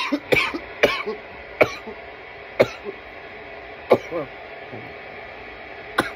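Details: Repeated harsh cough bursts, about six over six seconds, with throat clearing between; a coughing fit after inhaling from a bong.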